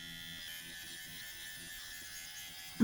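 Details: Dr. Pen electric microneedling pen at slowest speed and 0.25 mm needle depth (lowest setting) run across facial skin in crosshatch, home use; steady high electric buzz with a brief knock at the end.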